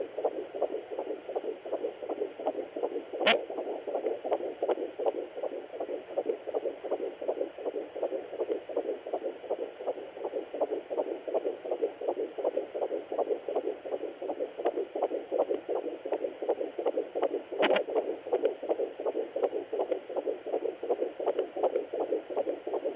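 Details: Fetal heartbeat at 13 weeks 1 day of pregnancy on a Sonoline B fetal Doppler; rapid, regular whooshing pulses about 160 beats a minute.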